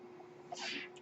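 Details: A steady low hum with a brief rushing hiss of air as a person's mechanical ventilator delivers a breath, heard in a pause between his spoken phrases.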